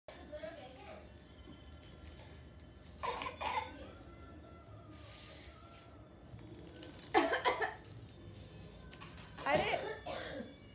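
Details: 11-month-old baby imitating elders' coughing: three short, breathy cough-like bursts, a playful fake cough rather than a real one.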